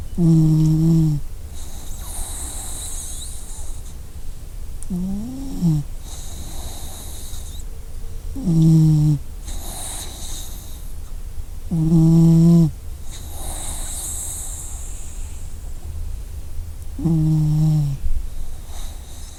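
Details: Sleeping puppy snoring: soft, regular low snores about every four seconds, roughly 15 a minute; ordinary harmless snoring.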